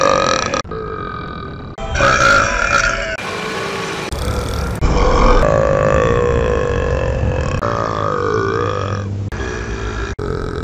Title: gacki burping